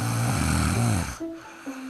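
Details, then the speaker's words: Simulated snoring in a short animated comic: a loud, low, rattling cartoon snore sound effect followed by brief tonal squeaks, loud enough to startle a companion. "aduh nan bisa gak sih ngoroknya jangan kekencengan aku sampai kaget"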